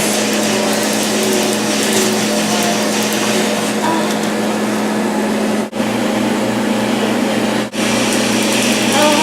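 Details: Laser tattoo removal session at a clinic, darker tattoos halfway through treatment: steady loud machine hum with rapid crackling snaps and two brief pauses as the laser fires.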